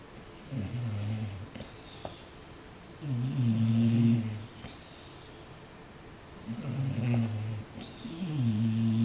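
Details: Sleeping bulldogs: deep droning snores with a buzzing, tonal quality on each breath; heavy snoring.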